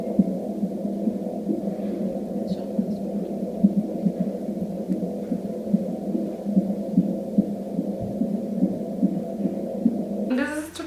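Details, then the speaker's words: Fetal heartbeat at 19+3 weeks of pregnancy (20th week), heard for the first time on Doppler: rapid rhythmic whooshing thumps over a steady hum, about 146 beats per minute. "aber die Herztöne habe ich gestern das erste Mal gehört es war wirklich sehr sehr schön"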